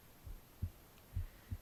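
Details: Normal heartbeat recorded on the left side of the chest while reading aloud: soft, muffled paired thumps about 70 beats a minute over faint room hum.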